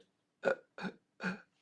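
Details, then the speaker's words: Physician imitates respiratory laryngeal dystonia: three short, separate voiced catches of indrawn breath, with air coming in little pieces rather than one smooth flow. This is segmented inspiration, imitated. "the airflow instead of coming in in a smooth flow and out in a smooth flow it comes in in sort of pieces it's what i call breathing in in little packages or little pieces"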